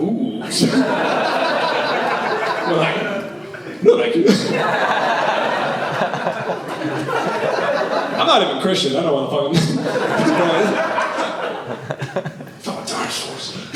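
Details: Tourette syndrome in an adult male comedian, real vocal tics with shouted obscenities (coprolalia); he reports he can sometimes hold or partly suppress them; vocal tics with coprolalia.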